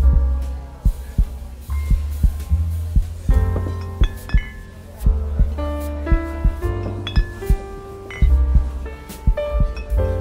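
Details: A slow, quiet heartbeat sound effect of soft, steady low thumps, close to 57 beats a minute, mixed under gentle piano relaxation music meant for sleep and meditation.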